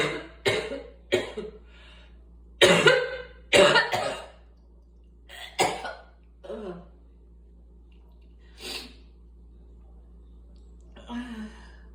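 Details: Repeated coughing with some throat clearing, from asthma.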